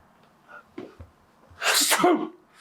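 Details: Staged comedy sketch sneeze: a few short intakes of breath, then one loud, explosive, hissing sneeze in a small room: sneeze.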